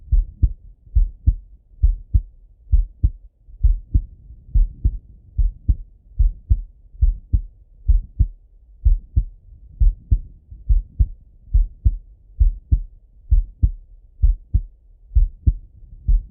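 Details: Male heart auscultated with a stethoscope: clear, regular lub-dub at about 66 beats a minute, quiet background; normal heart sounds.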